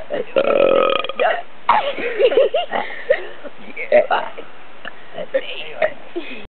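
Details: Deliberate belching of the alphabet: a long, low, rumbling burp followed by shorter burps shaped like spoken letters.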